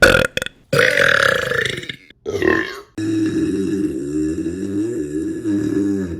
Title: Burping Compilation May 2023 #3 | RBC